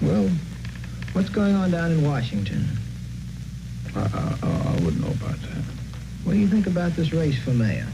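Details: Adult interviewer in conversation with another adult; ordinary speech, no disorder.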